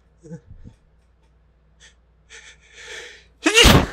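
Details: Pepper/spice-induced sneezing: a few short catching breaths and hitches, then one loud explosive sneeze.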